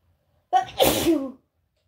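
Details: A single wet, spluttering sneeze from a cat, with a moist, snotty quality.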